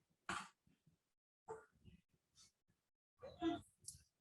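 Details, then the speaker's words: Laryngospasm in a 26-year-old woman with generalized dystonia hours after DBS generator change to constant-current stimulation: brief harsh strained stridor-like throat noises in bursts, with retrocollis, blepharospasm and trunk bending. "hear that sound yes so that's from laryngospasm"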